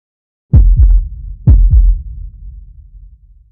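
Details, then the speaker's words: Two deep whooshing thumps with echo, then a fading rumble, too brief to count a rate: fetal heartbeat on handheld Doppler, heard far away probably because the placenta is anterior. "your placenta is probably anterior that's why we hear it so far away"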